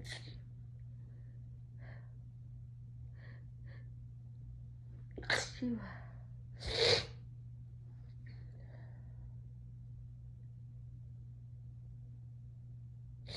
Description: Tipsy and high, variety sneezes